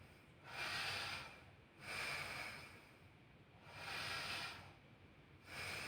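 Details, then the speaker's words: Normal breath sounds during anterior thorax assessment in a nursing student's thorax and lung exam demonstration, male patient inhaling and exhaling on request: soft, even breaths, about three in six seconds, no added noises. "i'm now going to proceed to the auscultation of your posterior thorax okay so this is done to assess the airflow from your air passageways okay so this time mr patrick i need you to inhale and exhale using your mouth"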